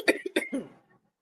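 A quick run of two sharp coughs with a softer one between, trailing into a brief voiced throat-clearing sound; an adult cough.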